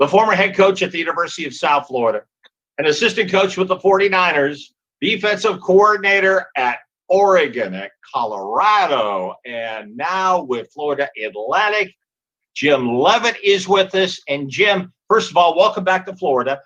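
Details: Adult speaker, radio host; normal speech.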